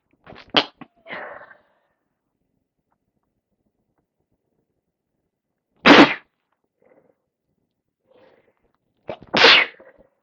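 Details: Sneezing on day 3 or 4 of a cold with heavy congestion: three sharp explosive sneezes spaced several seconds apart, some with a soft inhaled lead-in, in a quiet room.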